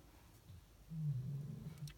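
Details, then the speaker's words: Dog asleep behind the speaker, waiting for its walk, snoring: a low, rumbling, breath-driven rattle over quiet room noise. "the dog has sat behind me and he's fell asleep can you hear him snoring hearing me so loud bless him he's waiting for his walk"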